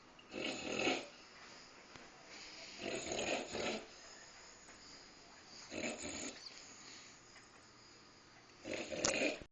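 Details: Sleeper who fell asleep while eating a midnight snack of green beans, heard as a dog, makes four rough snorting snores at an irregular pace of about 21 a minute; snoring.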